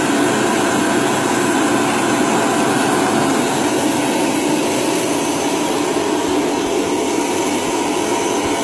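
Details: Baby Vac nasal aspirator attached to a household vacuum cleaner, used on a one-year-old child: continuous loud vacuum roar with faint fluctuation throughout, clearing the nose.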